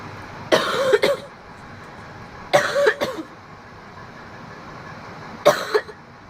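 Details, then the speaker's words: Woman coughing right after a bong hit of marijuana in a car: three bouts of dry, hacking coughs, two or three coughs each, over steady car noise. "This always hits me. Oh my god, I instantly like okay, there's a little bit of weed left in there. Woo! I'm just coughing from that bong hit."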